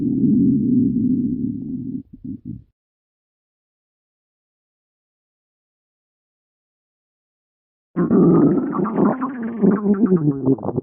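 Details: Low rumbling gurgle for about two seconds, brief bubbling pops, a long silence, then a longer, higher, shifting gurgling growl: stomach growling (borborygmi).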